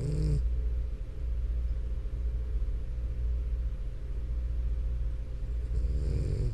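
Low, steady rumbling with short, rougher snorts at the start and end; snoring in a sleeping dog.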